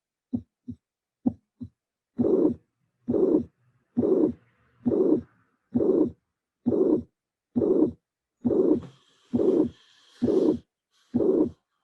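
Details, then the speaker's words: Mitral regurgitation teaching recording, electronically filtered: regular heartbeat near 67/min, three normal beats, then a soft systolic murmur between the first and second sounds. Diastole has no added sound. "the murmur is a systolic murmur of course because this is the first sound and this is the second sound diastole is without any kind of additional sound and the murmur will be soft as all the might regurgitation"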